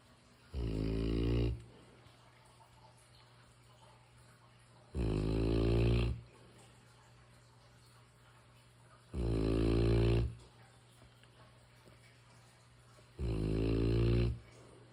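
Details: Deep, rumbling snores about every four seconds, roughly 14 a minute, steady and even; ordinary sleep snoring from a mastiff.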